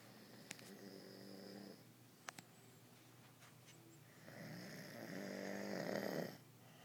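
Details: Mother asleep on couch gives two rattling, buzzing snores on breathing in, separated by a quiet pause, over faint room noise; daughter finds the snoring funny.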